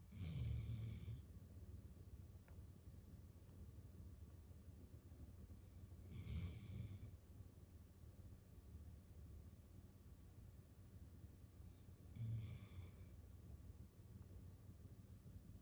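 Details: Dog in deep sleep after an active daycare day, curled in an armchair with her head on a pillow and twitching while dreaming: quiet, low snores with a faint whistle, about ten per minute; snoring.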